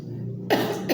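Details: Single short, forceful cough from a mother eating very spicy rujak (pineapple, water apple, kedondong, crystal guava), over steady background hum; cough.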